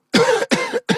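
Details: Three quick, sharp, explosive coughs with a harsh rasp in close succession, unable to stop: repeated cough.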